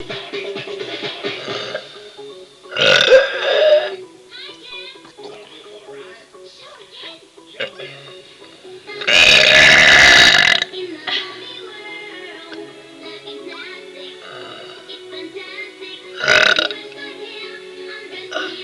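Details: Three loud, rough belches over background speech and music during about a minute of burping; air brought up from the stomach.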